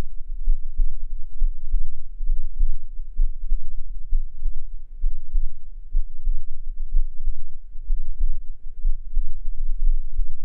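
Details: Heartbeat recorded with a binaural microphone: soft, muffled low thumps at a steady rate of about 65 beats a minute over a low hum; regular heartbeat.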